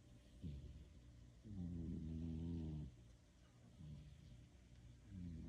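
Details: Cat sleeping in a person's lap: soft, low, buzzing snores with each breath, quiet against faint room noise; ordinary sleep snoring.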